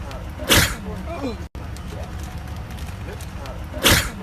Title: sneezing for 2 minutes straight